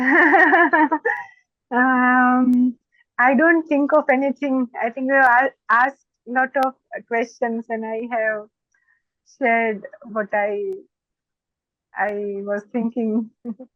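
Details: Stuttering (stammering) in an adult woman who says she stammers more when she gets excited.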